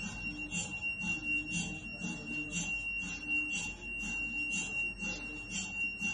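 Rapid rasping, rhythmic knocking about four per second with a steady high tone; MRI scanner running.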